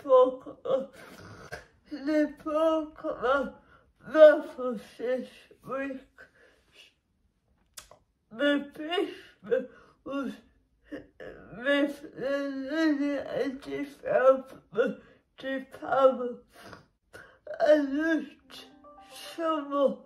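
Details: Dysarthric speech in a woman with cerebral palsy, which makes her muscles and movements difficult; the speech disorder itself is not named.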